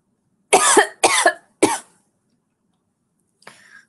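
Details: Three harsh, slightly wet coughs in quick succession, then a faint breathy sound; the livestreamer is sick and thinks it is the flu.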